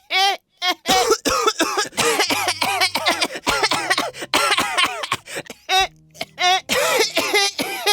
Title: 기침 좀 할께요